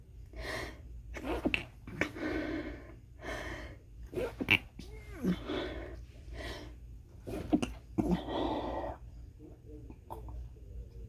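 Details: Quick stifled sneezing fit in an office where the person blames the air and says it has gone on all day: a rapid run of muffled sneezes with short breaths between.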